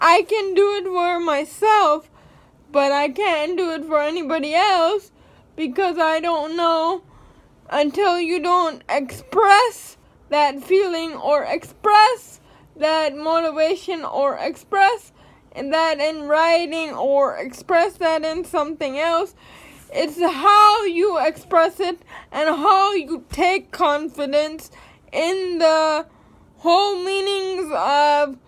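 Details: Dysarthria in a young woman with cerebral palsy.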